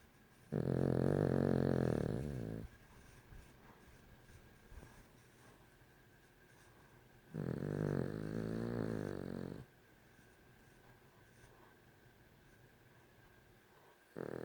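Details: Dog snoring: loud, long, rattling snores of about two seconds each, separated by quiet pauses; two full snores and the start of a third.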